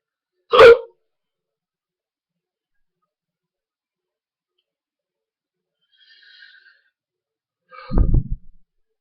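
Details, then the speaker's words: A man with very loud hiccups that he says are not exaggerated and thinks are getting worse: a single loud, abrupt hiccup, then near silence and a faint later sound. "I'm not even like trying to exaggerate it it's just like doing it by itself look at that it's just crazy I don't know why it's like so loud"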